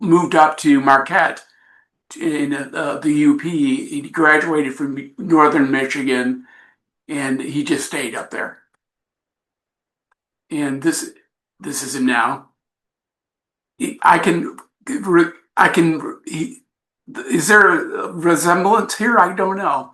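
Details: Adult man with aphasia after an accident, presenting his own story; he describes it as a long road but says he is getting much better.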